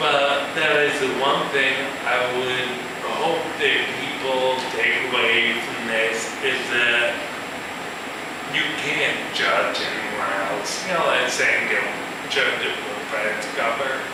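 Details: Male musician with ataxia, a progressive neurological disorder with cerebellar cell death affecting balance and speech, giving a live talk; ataxic dysarthria.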